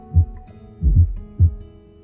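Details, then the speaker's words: An abnormal fourth heart sound (S4 gallop) from atrial contraction, linked to raised left atrial pressure from a stiff, non-compliant left ventricle. "ls 4 anormal se relaciona con un aumento en la presión auricular izquierda media causada por un ventrículo izquierdo no elástico"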